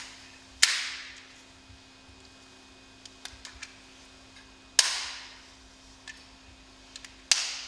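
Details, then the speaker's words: Sharp clicks and short mist bursts as a Respimat soft mist inhaler is turned, opened and fired while primed before first use, the cycle repeated three more times after a visible cloud appears. "refermer le capuchon répéter l'étape précédente jusqu'à ce que vous voyez un nuage afin d'être sûr que l'inhalateur soient prêtes à l'emploi répété tout le processus encore trois fois"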